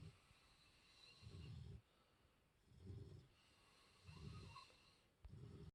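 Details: Snoring: soft, low, snuffling snores at regular intervals, about 44 a minute, with quick breathing; gentle snoring.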